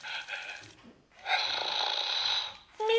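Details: Simulated snoring from a plush toy dog that snores and talks: drawn-out, whiny, voice-like breaths with a nasal buzz; snoring.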